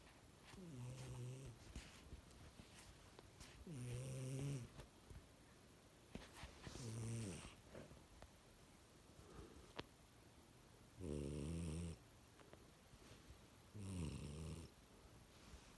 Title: Snoring cat 💤